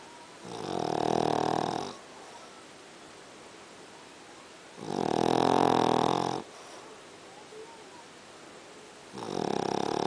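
Loud, rough, droning snores about every four and a half seconds, roughly 14 breaths a minute, with quiet gaps between: ordinary snoring in sleep.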